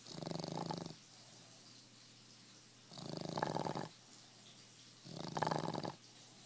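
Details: Sleeping dog's snoring, which the owner calls scary: three loud, harsh, rattling snores about every two seconds with quiet pauses between; heavy snoring.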